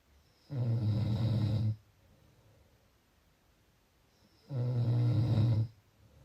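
Two loud, low, rattling snores about four seconds apart, with quiet breathing between them.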